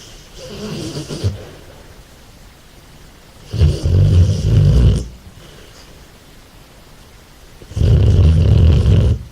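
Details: Loud, deep rumbling snores from a sleeping American Staffordshire Terrier, about every four seconds (roughly 15 a minute), with quiet pauses between.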